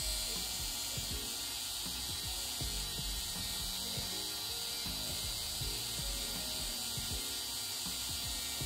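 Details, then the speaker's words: Steady high-pitched motor whine, faint background music: podiatry burr drill used while removing a tiny, very painful corn on the side of a toe in a patient with Morton's neuroma. "what i'm gonna do is just use a drill"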